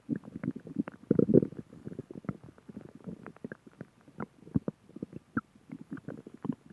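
Quiet gurgling and bubbling rumbles in irregular bursts; ordinary stomach growling from gas and fluid moving through the gut.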